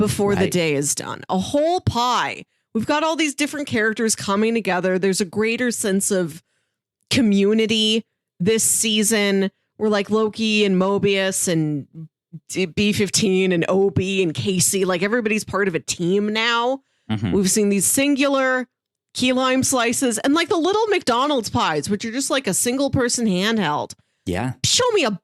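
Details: Adult speaker; typical speech.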